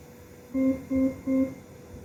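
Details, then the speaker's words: Ventilator flow sensor calibration running with the flow sensor reversed during the setup test: three evenly spaced, steady tonal beeps. "Balik kayak gini flow sensornya. Terus sambil diperhatikan kalibrasi flow sensor."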